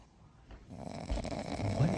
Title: Sleeping Dogo Argentino - She snores! 🐶 #dogoargentino #dogoftheday #pets